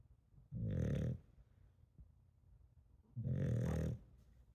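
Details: Sleeping dog snoring: two loud, low, rattling snores about two and a half seconds apart, with quiet pauses between.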